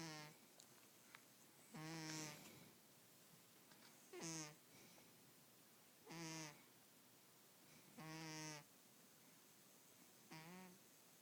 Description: This is why I always have bags under my eyes cause my cat snores on a daily basis...